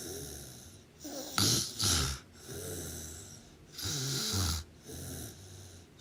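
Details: Loud, rough snores on each in-breath during sleep, some with a snorting, rattling quality, a few seconds apart; snoring.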